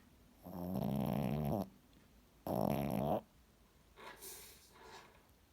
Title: My dog snores so bad